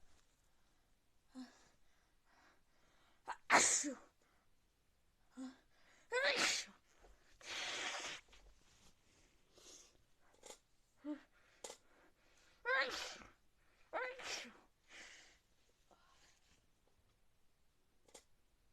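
A run of sharp, explosive, hissing bursts with short breaths and sniffs between them: repeated sneezing.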